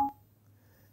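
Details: Confirmation beep from a Servo-u mechanical ventilator during its pre-use check, after the circuit is connected and occluded: ventilator confirmation beep.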